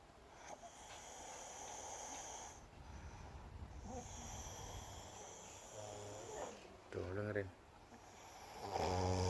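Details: Younger brother snoring while deeply asleep with his eyes seemingly still open; noisy room with low rumbling breaths, then a few louder snorting snores toward the end; snoring.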